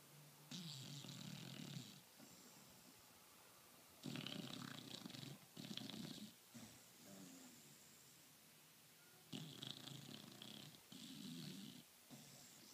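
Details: Bullmastiff dog sleeping and dreaming: loud, rough, hissing snores in irregular bursts with quieter gaps; heavy snoring.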